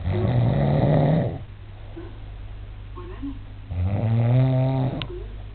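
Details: Adult man snoring during sleep, filmed to prove to him that he snores: two loud, low, rattling breath sounds with a quiet gap between them; snoring.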